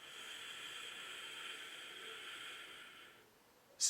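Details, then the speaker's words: Metered-dose rescue inhaler with spacer for asthma: full exhale, puff fired into the spacer, a one-to-two-second wait, then the steady airy hiss of a slow, deep inhalation ending in a brief sharp puff, showing correct technique. "put it in your mouth and squeeze and puff squirt and then hold wait a second or two between that puff and then that inhalation"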